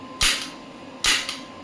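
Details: An electromagnetic radial shockwave therapy handpiece fires on a joint (elbow) at 1 Hz and starting energy 5 mJ; two sharp cracking pops about one second apart.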